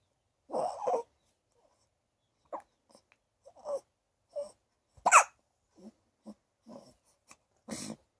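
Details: A newborn girl just over a week old makes brief, sharp little catches of breath recurring every second or so: hiccups.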